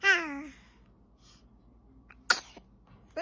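A brief high-pitched infant vocalization, then after a pause a sudden sharp burst of air, a baby's sneeze, with another faint burst at the end.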